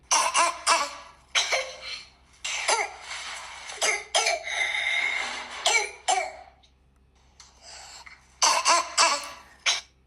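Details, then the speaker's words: Barking cough of croup (laryngotracheobronchitis) caused by parainfluenza: repeated harsh, hoarse coughs in bursts with pauses between. "Yan po yung barking cough ng croup, laryngotracheobronchitis caused by para-influenza."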